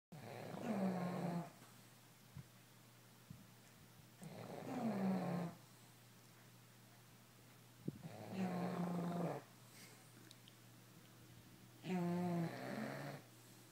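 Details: Regular rumbling snores on each breath in, about 16 a minute, with quiet pauses between; a sleeping bully-breed dog snoring; snoring.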